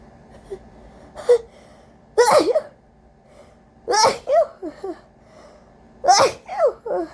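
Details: Three forceful induced sneezes from a person with a cold and a very congested, sensitive nose, each with a sharp intake and short follow-on burst, in a quiet room; repeated congested sneezing.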